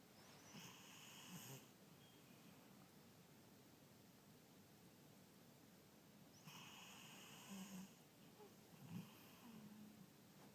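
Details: Snoring: soft snoring breaths about six seconds apart, with faint whistling and low room noise.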